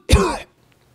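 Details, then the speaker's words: A single harsh, rough throat-clearing burst, imitated by an adult in a pediatric asthma talk. Parents often call this wheezing, but it is not: true wheeze is a faint, musical sound mostly heard through a stethoscope. "not wh either all right we is strictly a musical a faint musical melodious sound that you hear either through your stetoscope or in older kids you can hear it but mostly with your stetoscope"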